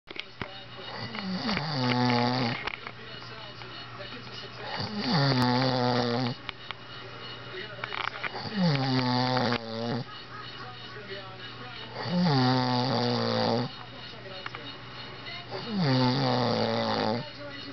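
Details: Person snoring while asleep in a fish house: loud, rough, rattling snores on each in-breath, about every four seconds, with quiet pauses between and a steady background hum.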